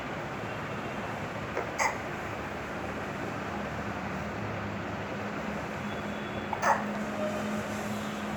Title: Cute Baby Hiccups